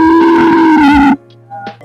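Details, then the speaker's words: Auscultated wheeze: a sustained high-pitched musical sound from air forced through narrowed, obstructed airways. "Ahora vamos a escuchar la sibilancia, la cual son unos sonidos agudos y crónicos, las cuales son más frecuentes por obstrucciones de vías aéreas."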